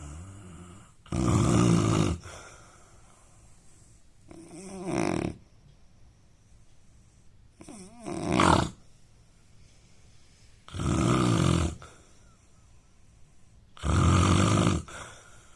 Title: Indian man snoring sound